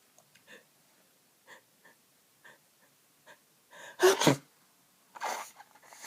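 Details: Congested sneezing during a cold with blocked nose: several small stuffy sniffing breaths, then a loud wet sneeze and a second softer one.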